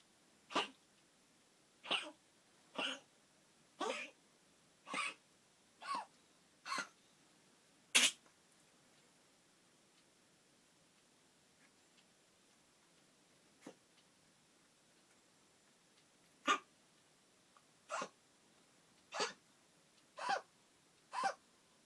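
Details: Chihuahua coughing: about thirteen short, sharp coughs in two runs separated by a quiet pause.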